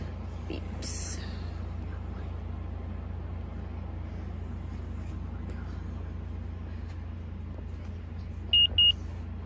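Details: Steady room hum, then a quick pair of short electronic beeps from an Omnipod insulin pump as pairing and priming begin during a pump change in type 1 diabetes.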